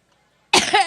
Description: Battling back a stubborn cough while delivering her Labor Day rally speech, took jabs at her Republican opponent Donald Trump while on the trail in Cleveland, Ohio.